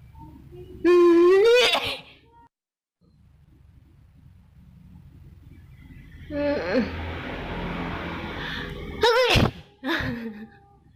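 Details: Sneezing after a Covid-19 PCR nasal swab test: loud wailing cries followed by two sharp, explosive sneezes.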